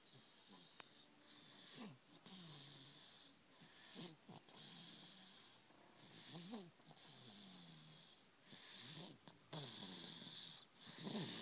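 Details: Person sleeping and snoring: soft, irregular snorting breaths over a steady background hiss, consistent with light snoring.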